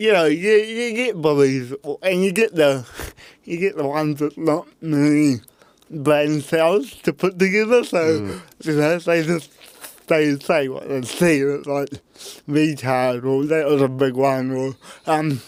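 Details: Adult man with cerebral palsy; his parents were told at birth he would never walk or talk; intensive therapy from birth to age six for walking and talking; used a walking frame at school; dysarthria (cerebral palsy).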